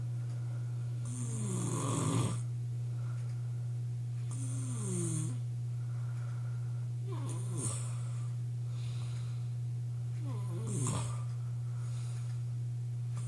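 Loud rasping snores with a falling pitch on each breath, four in about thirteen seconds, over a steady low room hum.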